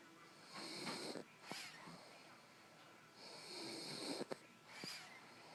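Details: A sleeping dog: rough, rattling breathing sounds recur with each breath; dog snoring.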